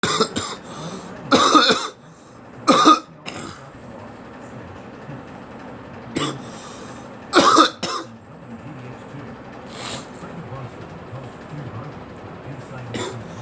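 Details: Person coughing: several short, forceful coughs in bursts separated by pauses, over a steady low hum, recorded on a 39-degree day in Boston; cough.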